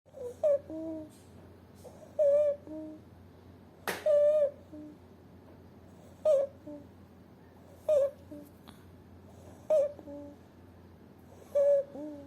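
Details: Inspiratory stridor in an infant boy with bilateral vocal cord paralysis, day 209: repeated high-pitched, squeaky breaths, about 32 per minute.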